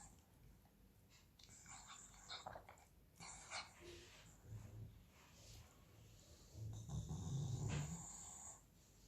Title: Cane che russa (Dog Snoring ) Dog posed